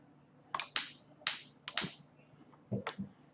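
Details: Nd:YAG laser firing test pulses on a dot at the start of a second tattoo-removal session, self-administered by a non-professional; several sharp snapping clicks show the device is active.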